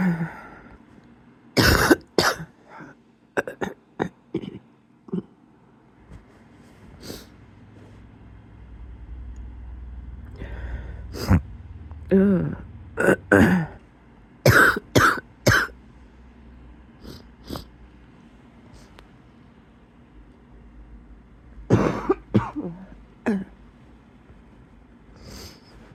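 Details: Several bouts of harsh adult coughing in bed before getting up, with some throat clearing and a faint wheezy, whistling edge; wheezy cough.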